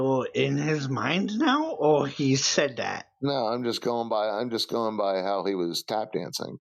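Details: Adult male speaker over voice chat; typical speech.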